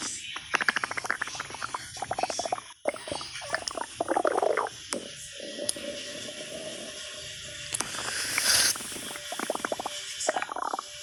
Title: Stomach Growling